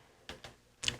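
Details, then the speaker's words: Electrolarynx (artificial larynx) used by laryngectomees, a Western Electric instrument run on two batteries and held flat against the neck: faint clicks, then a sudden loud, steady mechanical buzz as it switches on. "And this instrument is operated by two batteries and is called an electrol."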